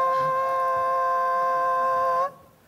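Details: Deliberate demonstration of a hoarse voice, in which two tones can be heard at once.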